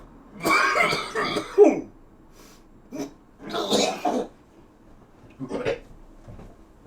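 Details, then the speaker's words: An adult cooking steak, who calls it his smoker's cough, gives several harsh, spluttering coughs with throat clearing; an irritant cough. "Yeah, there we go. Ignore my smoker's cough."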